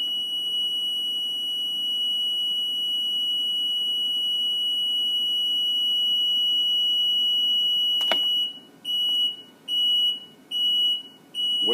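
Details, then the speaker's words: Older Cardinal/CareFusion T-Bird series (Vela) ventilator powering on for pre-use check, patient removed: steady high electronic tone, then regular beeping alarm about 72 times a minute until alarm silence is pressed. "now I also hit alarm silence because I don't want to listen to that beat"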